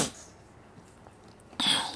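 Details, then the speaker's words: Adult man with a cough and cold, voice nasal, gives two short, harsh cough bursts separated by a quiet pause in a small room: cough. "Sahabat Pusaka Jawa dimanapun Anda berada, suara saya agak sengau-sengau begitu karena memang lagi batuk dan pilek."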